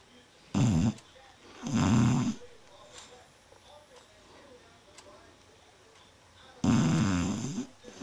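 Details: Sleeping dog BeeBee, dreaming, gives three loud, rough snoring breaths spaced by quiet pauses in a small room; snoring.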